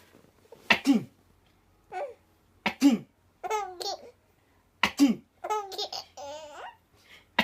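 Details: A father sneezes three times, sharp sudden bursts about two seconds apart, and his baby giggles with laughter after each one; sneeze.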